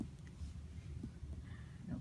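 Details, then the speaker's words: Shifting dullness test: abdominal percussion from the umbilicus toward the flank, the note changing from tympanic to dull where ascitic fluid lies at the side. "okay so we um we hear the change here okay so initially it was um tympanic and then if the patient has fluid you will hear the fluid on the side"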